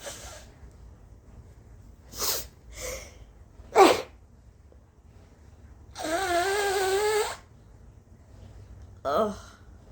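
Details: Nose blowing that triggered sneezing, with short sharp bursts, a longer voiced blowing-out sound and coughing; the nose was burning and the throat hurt afterwards.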